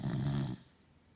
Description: Coco the dog loves to lie on her back....... And snore